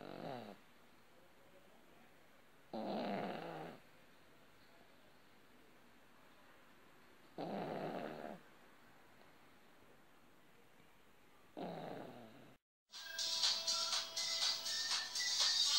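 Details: Sleeping pug snoring very loudly: rough snores about one every four to five seconds, with a brief burst of other noise at the end.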